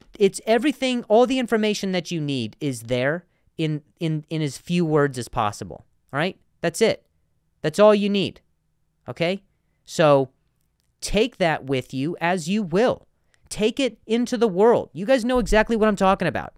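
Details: Stuttering in an adult male comedian who has stuttered for a long time and still sometimes does; repeated words heard.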